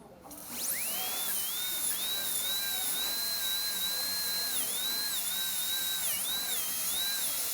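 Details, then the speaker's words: Continuous high-pitched whine that dips in pitch as it cuts: a high-speed dental handpiece with a round-ended, torpedo-shaped 5857016 diamond refining the facial aspect of an all-ceramic crown preparation, rounded shoulder, on tooth #9. "it's time now to change to our diamond and the diamond we'll use for this is uh the torpedo shaped diamond it's i believe the 5857016"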